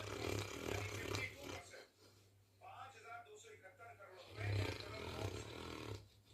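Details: Deep, rumbling, fluttering snores on inhalation and exhalation from a sleeping Saint Bernard dog, with a quieter stretch in between; snoring.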